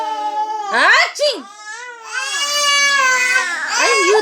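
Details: Loud, high-pitched wailing cry in bursts with rising and falling pitch, an upset infant crying apparently in response to the mother's repeated sneezing.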